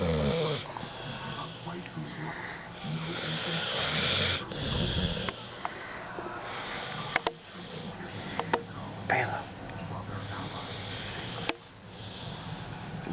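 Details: A pit bull dog snoring: a rough, rattling snore-like sound with a sniff and clicking noises over a noisy background.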